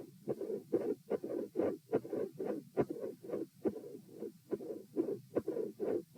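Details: Heart auscultation stress test at position T, recorded sitting; midsystolic murmur with split S2 and a murmur at S2.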